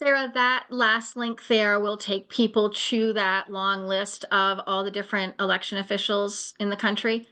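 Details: Adult female speaker; typical fluent speech.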